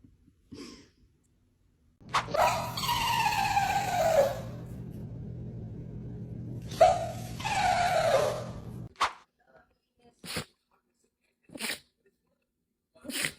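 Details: Dog sneezes: several short, sharp bursts of air through the nose, between stretches of a longer noisy sound; sneezing.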